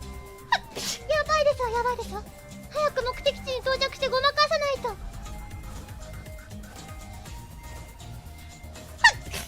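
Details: A woman VTuber sneezes during a Euro Truck Simulator 2 stream: sharp, explosive sneezes, one near the start and another near the end, with game music and voices in between.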